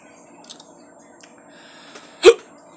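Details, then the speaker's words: A man gets hiccups after eating extra-hot habanero sauce and Dave's Insanity hot sauce: a single sharp, abrupt hiccup after quiet room sounds and faint mouth noises. "I still got the hiccups from the last one. That's how much of a baby I am."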